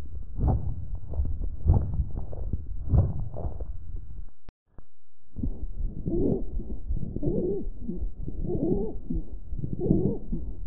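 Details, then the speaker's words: Teaching example of rales (estertores): adventitious, intermittent sounds superimposed on normal breath sounds, heard as brief interrupted crackling bursts over low, rough breathing. "Asimismo se pueden distinguir otros ruidos adventicios que se superponen a los ruidos normales y son los estertores que se escuchan disfónico e intermitentes"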